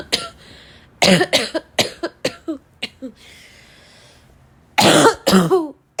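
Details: About ten harsh, dry, voiced barking cough bursts in quick runs from a female, with a noisy in-breath between runs.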